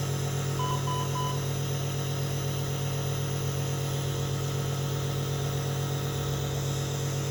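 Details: Steady nebulizer compressor drone with low hum and a few faint beeps, no breathing or wheeze audible, during nebulizer therapy for an infant with Down syndrome admitted to the NICU with wheezing, chest congestion and respiratory distress, also on oxygen support.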